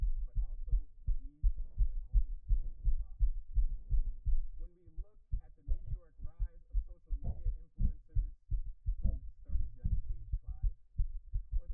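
Rapid, forceful low thumping heartbeat picked up by a microphone, with some irregular muffled noise.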